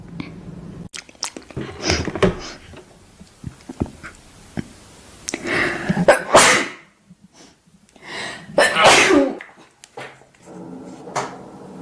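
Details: Loud, explosive sneezes, each preceded by a quick drawn-in breath, with small noises between; ordinary sneezing.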